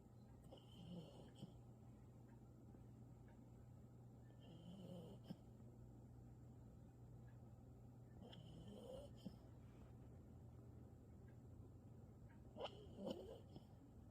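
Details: Sleeping dog snoring: faint snuffling breaths with soft snorts and little squeaks over a steady low hum, about four breaths in fourteen seconds.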